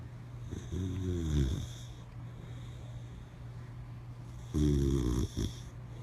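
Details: Boxer dog sleeping with its eyes open: two loud, rattling snores a few seconds apart over a steady low room hum, then a soft snort; snoring.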